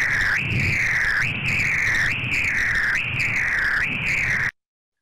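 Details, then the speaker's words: Lower-extremity arterial Doppler on point-of-care ultrasound, dampened monophasic flow: continuous whooshing with soft blunted pulses about 72 a minute, flow seeming to continue cycle to cycle instead of multiphasic. "and then this is an example of monophasic flow which sounds like this"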